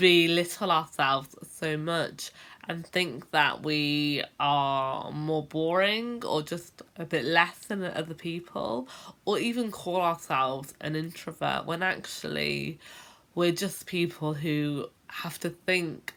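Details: Adult woman who has stammered since about age 10; stuttering (stammering).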